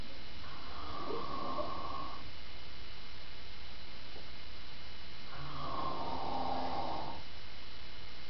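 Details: Adult man asleep, giving two long, rough, rumbling snores on inhalation separated by a quiet pause of about three seconds: ordinary sleep snoring.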